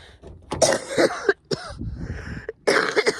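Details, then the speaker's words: Woman with a sinus infection, living in a van, coughing painfully: several short, harsh coughs with throat clearing between them. "Excuse me. Oh, clearing everything out. Yeah, sinus infection."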